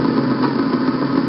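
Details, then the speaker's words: Myotonic discharge on needle EMG, provoked by moving the needle or percussing near the muscle: continuous revving, engine-like buzz from the EMG speaker that waxes and wanes, likened to an airplane; seen in myotonic dystrophy and myotonia congenita. "como que va subiendo y bajando Cómo se observa la miopía en la electromiografía tanto en una distrofia miotómica como una miatonía congénita"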